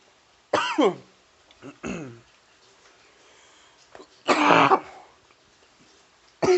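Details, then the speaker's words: Adult man outdoors, coughing for several minutes after inhaling something he calls very strong that "went down the wrong pipe": several harsh, forceful coughs and throat clearing in short bursts separated by quiet pauses, a coughing fit. "Oh, sorry if I'm coughing. Or RP ears. Holy shit. I'm not sure how, but it went down the wrong pipe somehow."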